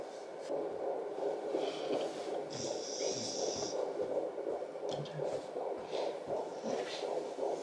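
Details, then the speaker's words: Home Doppler search for a fetal heartbeat at about 15 weeks of pregnancy, after the mother's own faint pulse was heard first. Fast, whooshing rhythmic pulses with static, read at 142 beats per minute. Fetal heartbeat on Doppler. "It's definitely it. Pretty cool, you can just listen to that whenever you want."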